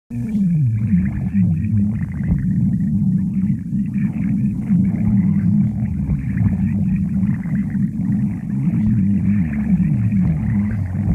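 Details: Badger stomach growling: continuous low rumbling with gliding gurgling tones rising and falling, borborygmi.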